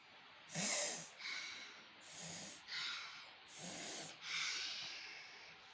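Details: 3-year-old boy with cough and cold taking steam: noisy, snuffly breathing with hissing air through a blocked nose; nasal congestion breathing.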